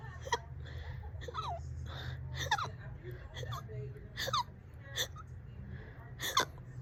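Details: Abrupt, sharp hiccups about once a second over low room hum, roughly seven in the stretch; person reports about 30 minutes of hiccups, on and off all day: repeated hiccups.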